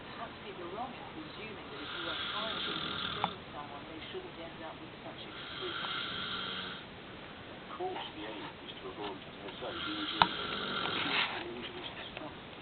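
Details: Loud, rough, rattling snoring on each inhalation from a sleeping husband, about 15 breaths a minute, over steady room noise.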